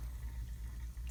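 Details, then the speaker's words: Pediatric tracheostomy suctioning, catheter inserted to 6.5 with suction for a five-count; secretions still audible so another pass is made, after which no further secretions are heard and respiratory distress resolves. "I'm gonna do another pass cuz I can still hear lots of secretions"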